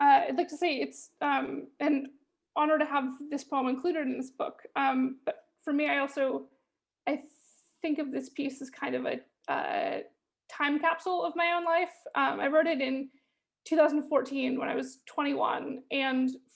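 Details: Stuttering in a female poet who stutters, speaking after performing her poem.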